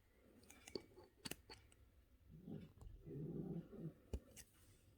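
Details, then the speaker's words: Background snoring noise audible in a room while someone talks and works with wire; snoring. "that's gracie snoring if you can hear all that noise"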